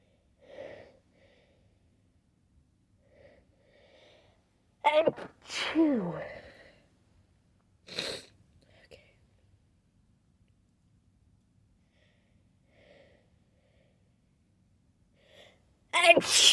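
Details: Late-night sneezing fit from an adult, first stifled and then vocal as the tickle grew too strong: soft breaths and stifled sounds, then loud voiced sneezes, each with a sharp intake before it.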